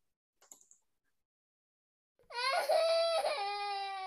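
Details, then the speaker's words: Sound played as a vocabulary example for young English learners: a baby gives a loud, high-pitched wailing cry after a few brief soft sounds. "okay a baby is crying"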